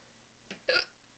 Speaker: Why? Hiccups are funny. No, they're not.